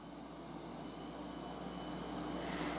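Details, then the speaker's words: Philips Respironics DreamStation Go CPAP running on its external battery at 10 cm water pressure: steady, quiet airflow hiss with a soft motor hum. "turn the battery back on here and now you have power to it so it's on 10 cm of water pressure you can hear how quiet it"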